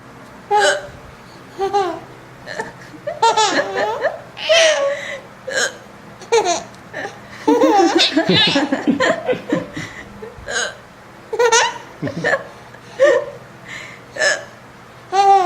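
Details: Infant aged 4 months 22 days with hiccups while laughing: laughter in bursts with short catching hiccup-like sounds among the giggles.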